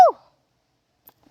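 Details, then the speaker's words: A woman sneezes: a single brief, sharp voiced sneeze burst falling in pitch, then near silence. "I have to sneeze just a sec."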